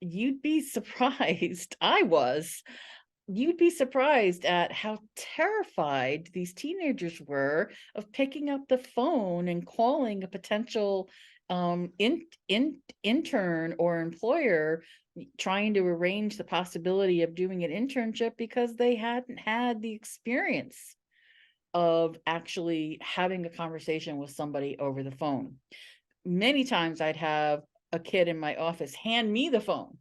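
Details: Adult man who stutters, describing his own stuttering as blocks and repetitions, speaking in a live webinar; repeats words and phrases in this stretch; stuttering.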